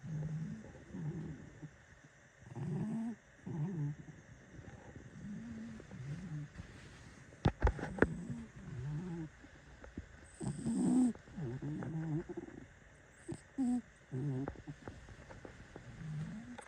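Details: Rhythmic low rumbling sounds with each breath, with some room noise in the background; a heavily sleeping cat snoring.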